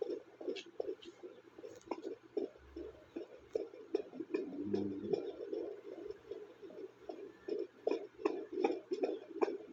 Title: heartbeat monitoring by fetal Doppler |sumipa pa sa last part ng video si baby nakakatuwa